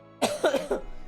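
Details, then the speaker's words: Three quick coughs in a rapid burst from an adult mostly recovered from illness but with a progressively worsening cough, over a faint steady background tone. "I'm I'm mostly better, but it's doing the thing where like I don't feel sick except for the cough, which is getting progressively worse."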